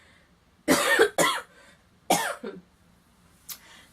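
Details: An adult woman who says she is a bit sick gives a short run of harsh coughs, a few bursts in quick succession, then quiet.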